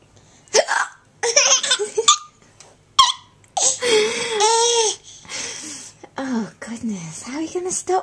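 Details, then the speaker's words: Mother with sudden hiccups while feeding her young child: sharp, abrupt voiced catches among laughter and child babble; hiccups. "s going on why is mommy got hiccups she doesn't get hiccups she's a mummy"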